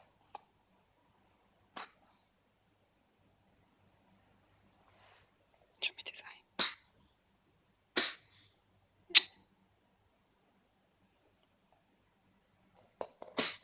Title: When Lena was a kitten, playing and sneezing as she recovered from cat flu 🤧